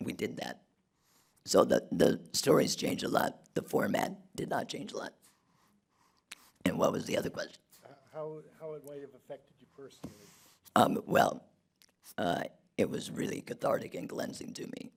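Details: Adult man who had a laryngectomy in 2016 due to long-term radiation damage from tonsil cancer treatment 19 years earlier; alaryngeal speech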